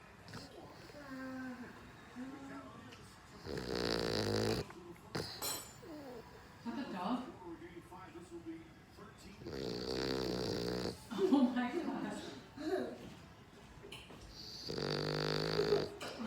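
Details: Rumbling snores roughly every five to six seconds during sleep, with faint voices and room noise between; snoring.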